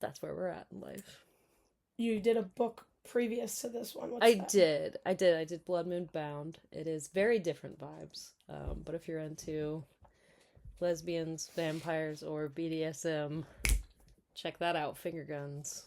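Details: Adult woman speaking; normal voice.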